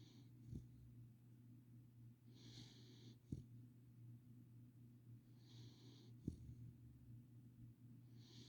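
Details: Soft, hissing breaths with faint snorts, about twenty a minute, over a steady low room hum; light snoring.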